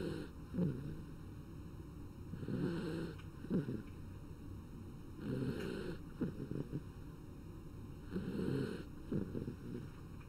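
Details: Soft, rhythmic, rattling snores from a sleeping animal, about 21 a minute, over a steady low background hum: snoring.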